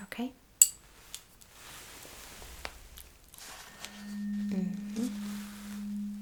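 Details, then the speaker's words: Simulated ASMR cranial nerve exam roleplay, hearing test: a struck tuning fork hums with a steady pure tone while placed behind the ear on the bone to test bone conduction (Rinne test), amid quiet handling clicks. "Now the tuning fork. So, I'm supposed to place this vibrating tuning fork right behind your ears. It's like um Okay. Uh it's more about this bone conduction."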